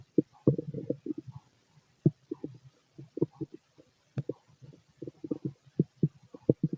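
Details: An adult male's loud stomach growling: irregular low gurgles, pops and bubbling rumbles in quick clusters with brief pauses. These are ordinary borborygmi of a healthy digestive system.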